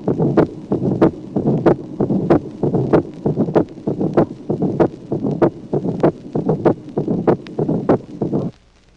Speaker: Dédoublement du premier et du deuxième bruit chez un malade porteur d'un bloc de branche droit. Les valvules tricuspides et pulmonaires se ferment les dernières. Présence également d'un souffle d'éjection mésosystolique et qui se termine bien avant le deuxième bruit.